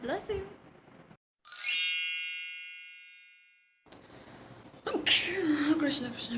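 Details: Acted, exaggerated sneeze in a comedy skit showing types of sneezes: a brief voiced sound, a ringing chime, then a sharp noisy burst with a trailing vocal sound.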